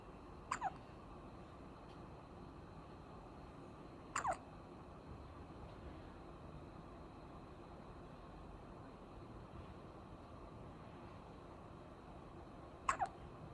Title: 생후9일차 신생아 딸꾹질해서 모자 씌워놨어요~🥹 #hiccup #babyborn